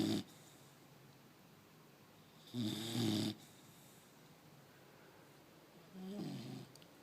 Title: Funny Snoring Bulldog Puppy